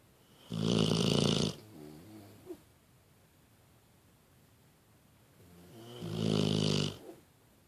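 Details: Pitbull dog napping and snoring: two loud, rough, rumbling snores on breathing in, each with a softer fluttering tail on breathing out.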